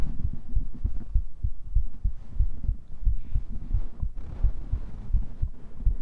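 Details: Close-miked heartbeat recorded with a 3dio binaural microphone for an ASMR cuddling roleplay, lying on grass: steady soft low thumps about 90 a minute over low hum and rustling; normal heartbeat.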